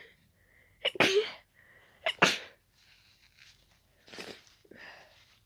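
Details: Person with a daisy allergy, after closely smelling daisies, gives two sharp, wet, explosive sneezes about a second apart, then softer snuffling breaths; allergic sneezing.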